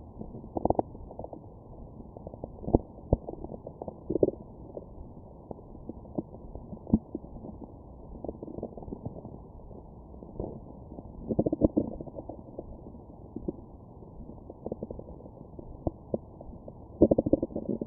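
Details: Stomach bowel sounds recorded through a stethoscope after eating McDonald's: muffled gurgles, pops and rumbles, frequent and irregular, active digestion.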